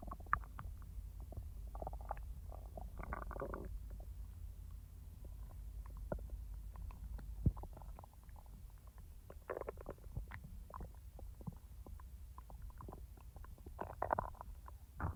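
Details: A person's own abdominal bowel sounds, not recorded in real time: low gurgling and rumbling with scattered bubbling pops; ordinary digestive borborygmi.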